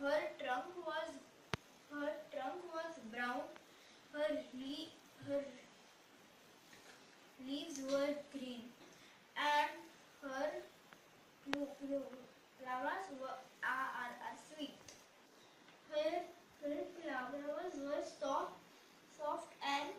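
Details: Boy who has stammered for 4 years, reading aloud before a single NLP session; his stammering is said to increase with fear, excitement or hurry; stuttering.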